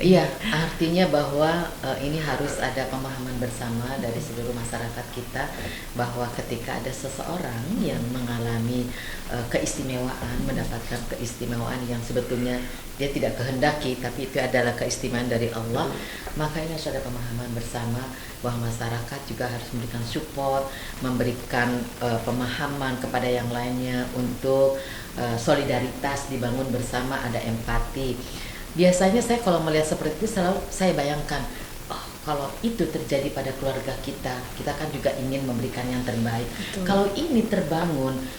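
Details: Adult speaker; normal speech.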